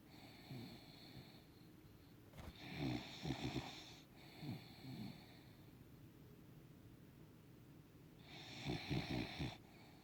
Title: Snoring puggle